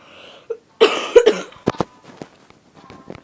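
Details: About three harsh coughs with a throat-clearing sound from a girl who is currently ill and hopes it won't get worse; cough.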